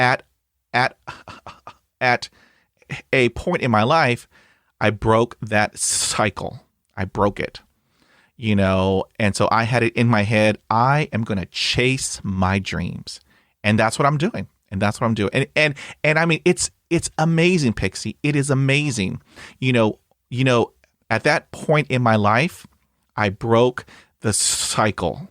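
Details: Adult male host with a severe stutter since childhood; repetitions in conversational speech; stuttering.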